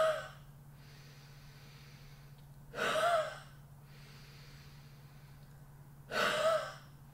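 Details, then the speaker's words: Airway clearance: two clear, forceful open-mouthed huffs (forced expirations) with rests between, to move mucus from the small airways up toward the mouth. "next she is going to try a huff a huff is a forceful exhalation which helps to mobilize mucus from the smaller Airways up towards her mouth"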